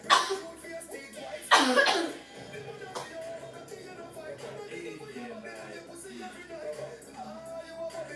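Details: Two loud, explosive bursts rise over background music during a dance; the second is a long, forceful cough that ends the dance, and then the music carries on.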